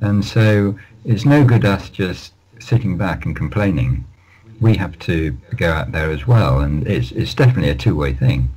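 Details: Lifelong stammering (stuttering) in an adult male, managed with prolonged speech and relaxation techniques.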